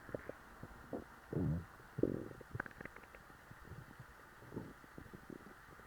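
Soft gurgles and low growls from the belly over faint background hiss; stomach growling after a large meal.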